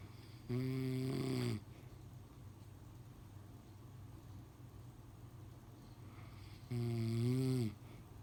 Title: The husband snoring